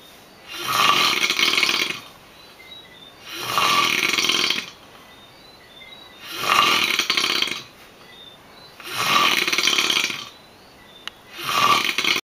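Loud rough hissing snores, about five over twelve seconds with quiet pauses between, on each breath in. Steady snoring.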